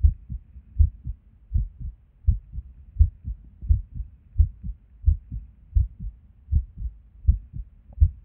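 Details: Resting heartbeat recorded at Erb's point while sitting at a desk: low heart sounds around 80 a minute with uneven spacing and occasional pauses, an irregular rhythm with skipped beats.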